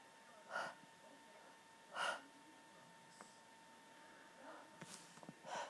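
Several brief, muffled bursts with sharp catches of breath, sneezes held back with the mouth closed, over faint room hum.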